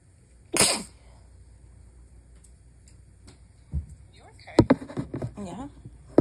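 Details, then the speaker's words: Nighttime stifled sneeze, held in to avoid waking a sleeping spouse: a sharp, muffled burst, then a few quieter choked bursts with faint voices in a quiet room, followed by talk that the quiet attempt isn't working. "I'm sorry, Bean. I'm trying to keep it quiet. Yeah, I can tell. It's not working."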